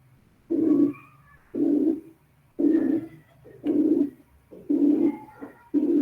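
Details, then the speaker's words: Simulated high-pitched blowing murmur built from a narrow frequency band around 360 Hz: a soft hooting tone repeating about 58 times a minute, resembling mild mitral or aortic regurgitation murmurs. "A un soplo formado tan solo por una estrecha banda de frecuencias alrededor de 360 ciclos, lo denomino soplo soplante de tonalidad alta. Y este se parece a los soplos de insuficiencia mitral y de insuficiencia aórtica, cuando estos no son demasiado intensos."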